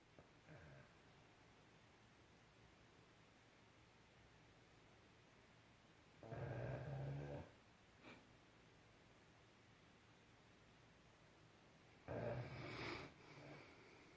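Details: Sleeping Mastiff with a mild cold, which is making him snore, snuggled against his pillow: two loud, low, rattling snores about six seconds apart over quiet room noise; snoring.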